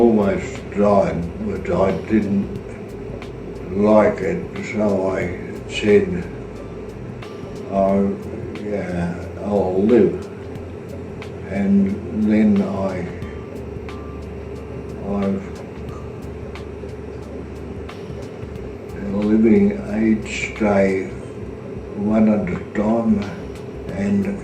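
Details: Australian adult with aphasia; fragmented speech with short broken phrases and word-finding pauses.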